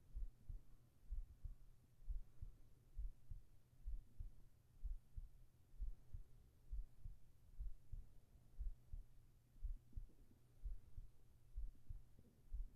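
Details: Soft, muffled low thumps at about 62 beats a minute under a steady hum, in a sleep ASMR recording; ordinary resting heartbeat.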